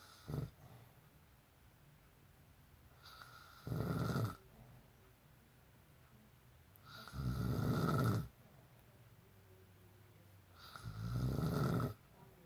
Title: Dad snoring (original)